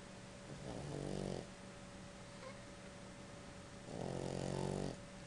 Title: snoring pug